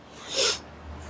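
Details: During a chiropractic clinic interview with a man treated for lower back and right shoulder pain with right leg numbness: a single sharp, hissing burst of air forced through the nose, a brief snort, over quiet room hum.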